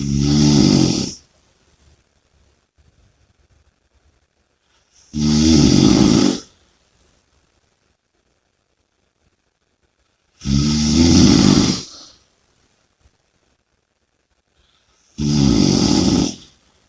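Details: Four loud, rough snores during sleep, about one every five seconds (roughly 12 breaths a minute), with quiet exhalations between them; snoring with heavy breathing.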